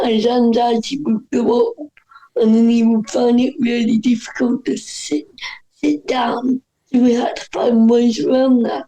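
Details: Dysarthria in a woman whose voice is affected by cerebral palsy.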